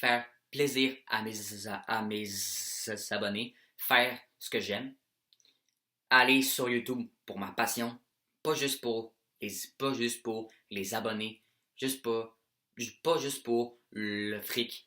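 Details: French-speaking male who has stuttered throughout childhood; stuttering appears with anxiety, excitement and stress, and he tries to ignore it while filming: stuttering.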